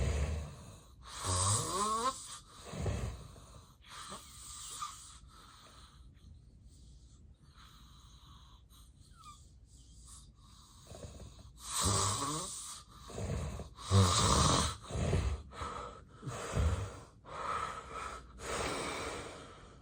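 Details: An adult with sleep apnea during a real, unplanned daytime nap: loud rattling snores stop for an apnea pause of several seconds of near silence, then resume with heavy, snorting breaths.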